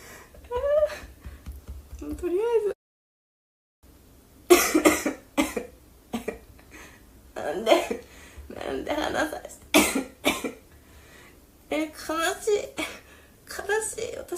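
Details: A girl's bouts of coughing and throat clearing break up her speech, with a strained voice between, in a quiet room; she says she can hardly talk and hopes to recover soon.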